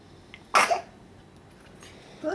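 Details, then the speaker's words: Young child sneezing once during a bout of hiccups: one short, high sneeze followed by quiet room noise, then hiccups resume. "you sneeze bless you back to the hiccups again"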